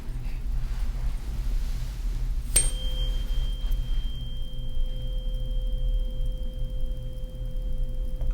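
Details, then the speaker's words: Simulated exam of a vertigo patient (roleplay on a real person). The tuning fork is struck and placed on the forehead for the Weber test, giving a sharp strike and a clear sustained ringing tone. "Alright. Now, we're going to do what's called the Weber test I'm going to strike this tuning fork and place it right over there on your forehead And I want you to tell me if you hear it down the middle or on the right side or on the left side first"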